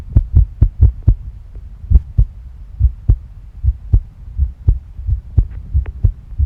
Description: Tachycardia is occurring and the heart rate is increasing